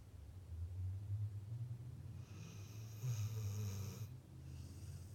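Low rumbling snore through two breaths, with a soft whistling edge on the second, from a sleeping dog.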